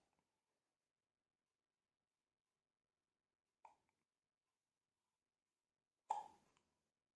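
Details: Hiccups in a 6-month-old baby: two short, abrupt catches of breath a few seconds apart in a quiet room.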